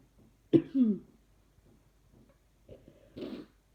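Two short coughs a few seconds apart in a quiet room, the first followed by a brief throaty sound: repeated dry-sounding coughing.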